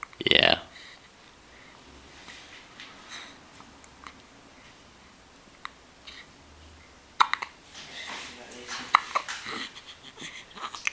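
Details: Hiccups: brief sharp catching sounds recurring every second or two, with some background talk and small room noises.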